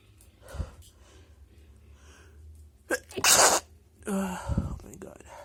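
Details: Person with a tickling nose deliberately stifling sneezes; a short sharp catch of breath, then a stifled sneeze and a second muffled sneeze; nose afterwards blocked.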